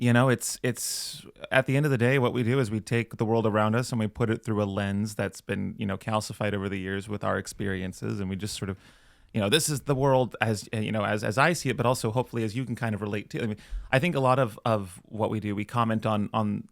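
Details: Adult male speaker; typical speech.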